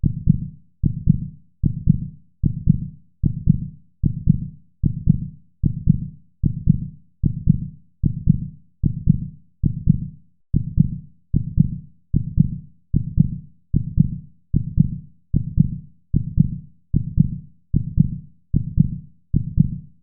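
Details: Steady, regular low thumping heartbeat at about 75 beats a minute with no pauses or extra sounds, used for relaxation and calming; regular heartbeat.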